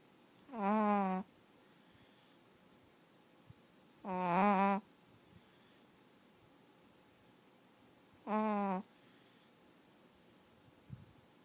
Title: Chihuahua snoring